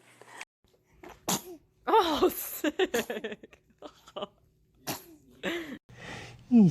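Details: Baby's several small, quick sneezes with soft vocal sounds in a quiet room.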